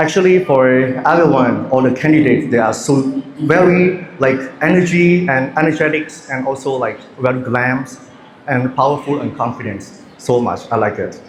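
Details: Adult male speaker; ordinary speech.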